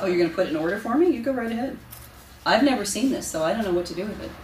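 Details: Adult woman, clinician; unaffected speech.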